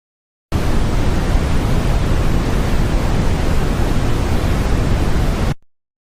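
Steady, deep rushing noise lasting five seconds, a simulation of noise-type tinnitus.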